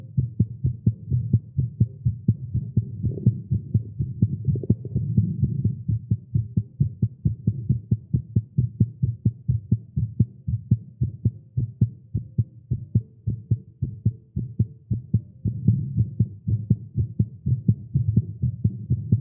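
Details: Male heartbeat recorded during exercise after caffeine: rapid low thumping at about 125 beats a minute with uneven spacing and a steady hum underneath, a fast heartbeat.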